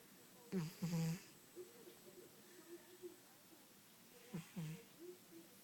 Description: Our cat Toby is snoring in his sleep